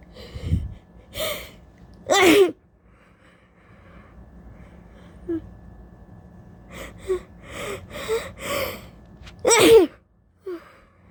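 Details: Allergy sneezing 10–15 minutes after waking from a nap, blamed on the weather: two forceful sneezes with sharp inhaled gasps before them, plus sniffles and short breathy sounds between.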